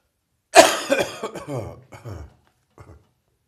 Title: Post-Chest Cold Morning Cough